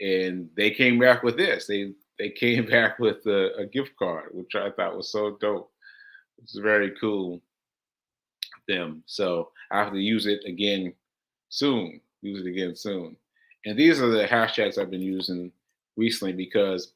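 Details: Man with aphasia, a language disorder affecting communication, about six months into recovery since July; aphasia.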